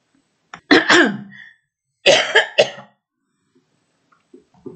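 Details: Two bursts of several forceful coughs from an adult woman who, while reading her poems aloud, says her voice is very hoarse and she feels very fatigued.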